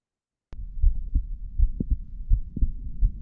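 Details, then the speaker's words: Reference recording from a typical digital stethoscope: clear, low, paired lub-dub thumps repeating steadily, normal heart sounds, played for comparison with an earbud recording from the ear canal. "I'm going to play a recording of what the sound um sounds like from a typical digital stethoscope"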